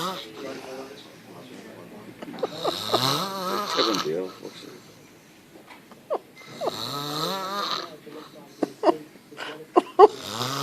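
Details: Very loud snoring: rattling snores on the in-breath, with snorts and gasping sounds between.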